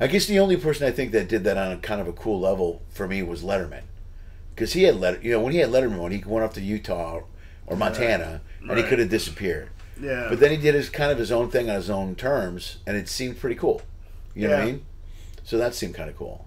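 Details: Adult male speaker; normal conversational speech.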